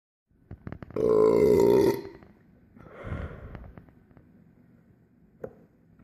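One long, loud, voiced belch followed by a shorter, softer one in a quiet room: burping.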